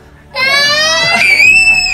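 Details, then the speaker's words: A young child gives a sudden, sustained, high-pitched wail that rises in pitch after brief quiet: an upset cry when the cochlear implant is activated for the first time. "a lot of them are people getting upset maybe crying getting scared freaking out a little bit"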